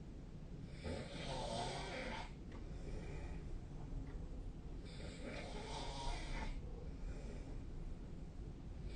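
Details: Snoring during sleep, recorded on 2025-03-23.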